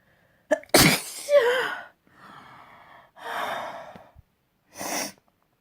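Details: A sharp in-breath, then a loud explosive sneeze with a voiced tail, followed by breathy exhalations and a second shorter sneeze, in spring. Sneezing.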